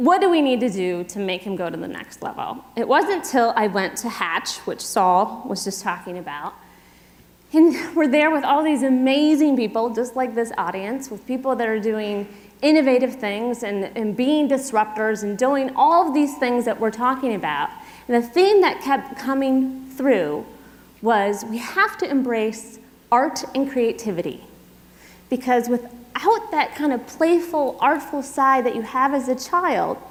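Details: Adult woman speaking to an audience; ordinary speech.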